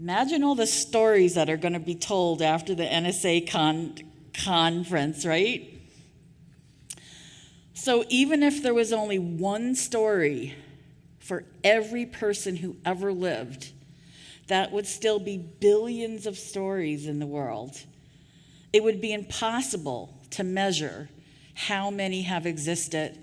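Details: Real stuttering in an adult woman who stuttered covertly for years before speaking openly; repetitions of sounds, words and phrases are heard.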